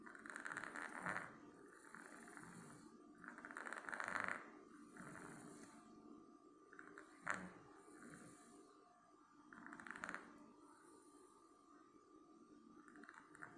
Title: BUSTER SNORING AGAIN